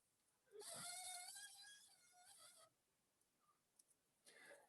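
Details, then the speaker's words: Sudden strained high-pitched cry of about two seconds, then quiet, from a male hospital patient who stares, looks right and raises his right hand: ictal cry opening a generalized tonic-clonic seizure's tonic phase, not breathing. "this is a pretty classic generalized tonic clonic seizure so this first phase is the tonic phase where he's completely stiff it looks like he's not breathing in fact he's not actually breathing"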